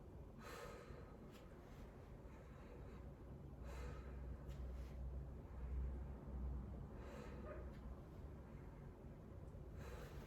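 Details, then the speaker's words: Normal deep breathing during a head-to-toe nursing exam: slow, deep breaths with soft airy rushes every few seconds, heard with a stethoscope on the chest. "i'm going to listen also to your lung sounds just wanted to have you take a few deep breaths and let it out just consistently"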